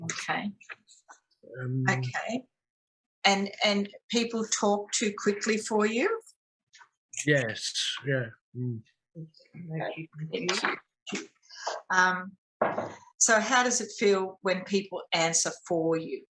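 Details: Adult woman speaking; no speech disorder.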